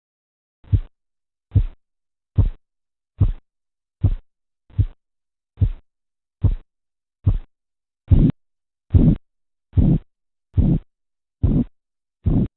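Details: Korotkoff sounds heard while measuring blood pressure.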